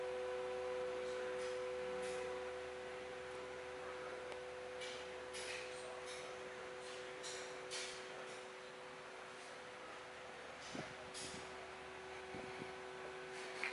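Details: Harvard Model 11 syringe pump running: quiet, steady motor hum with faint soft clicks over room noise.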